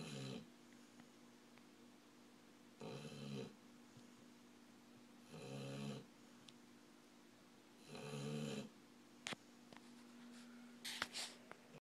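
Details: Regular snoring from a sleeping dog, a heavy snorer, roughly one snore every two and a half seconds over a steady room hum.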